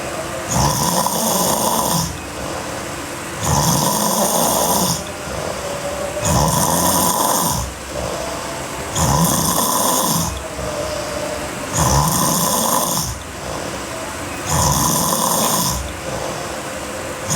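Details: Sleeping girl snoring hard: loud rattling snores on each breath in, about 21 breaths a minute, with quieter breaths out between.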